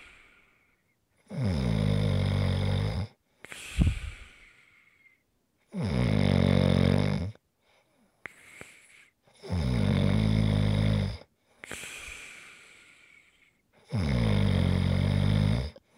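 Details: ASMR snoring recording: loud rattling snores on each in-breath, about four cycles with breathy out-breaths between, roughly 15 breaths a minute; heavy snoring.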